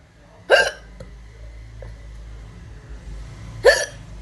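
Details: Indian woman: two sharp, abrupt hiccup sounds about three seconds apart against quiet room noise; hiccups.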